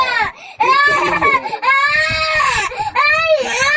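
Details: A young child cries loudly in sustained wails with brief catching breaths, upset and sad because the family missed church that day; crying.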